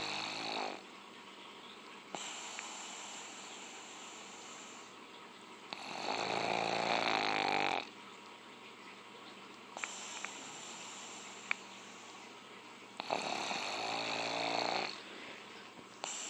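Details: A pug in deep sleep, snoring loudly moments after shutting his eyes, with rough, rattling sounds on each breath at about 16 breaths per minute.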